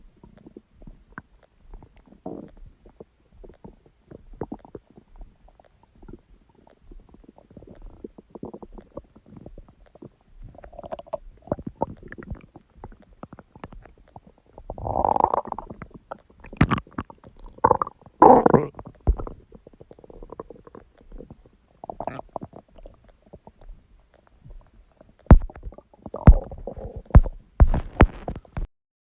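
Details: Irregular gurgling and rumbling from an adult's stomach, with louder bursts of bowel sounds; borborygmi.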